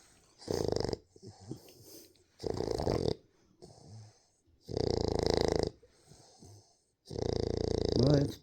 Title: Diva can snore!